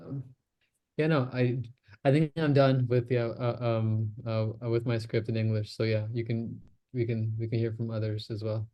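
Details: Real recording of an adult man who self-discloses that he stammers, speaking in a stammering self-help practice group; stuttering.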